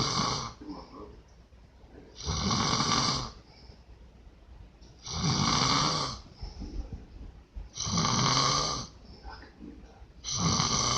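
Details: Loud, harsh snores from a sleeping father, about one every 2.7 seconds (around 22 a minute), with quieter breathing between; snoring.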